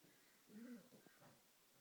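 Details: Sleeping pet cat snoring: a single soft, low, slightly tonal breath noise over faint room hiss.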